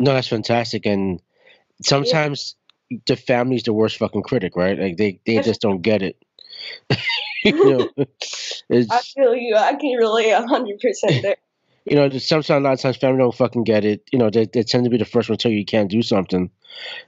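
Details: Adult male speaker; normal conversational speech.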